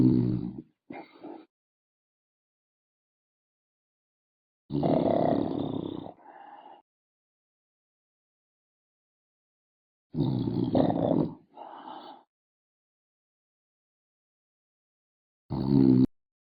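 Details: Snoring, apparently from a dog: loud, rough, snorting breaths about every five seconds, each with a softer trailing exhale.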